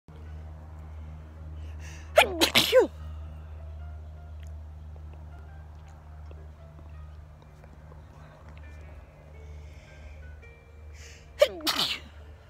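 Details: Sneezing outdoors in a summer garden in a person allergic to grass: two separate sneezes, each with a sharp intake and explosive burst, over outdoor hum and faint music.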